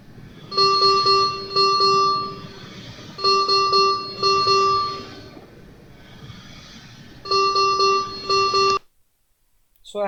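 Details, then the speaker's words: ICU ventilator teaching demonstration of a simulated scenario: repeated bursts of rapid multi-tone alarm beeps; low expiratory minute volume alarm, pointing to a leak or disconnection. "this is a third Allah is a low expiratory volume over the expiratory volume low so I will show you a scenario"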